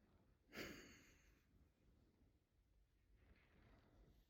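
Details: Loud snoring from a sleeping pet named in the caption, described by its owner as really snoring.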